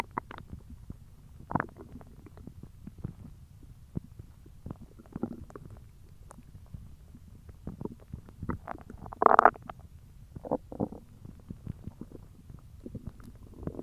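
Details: Hungry stomach noises: irregular low gurgles and rumbles with one louder growl; normal borborygmi (stomach growling).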